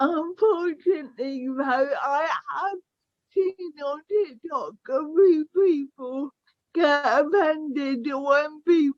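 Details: Young woman with cerebral palsy affecting her speech, walking, balance and motor skills; dysarthria (cerebral palsy).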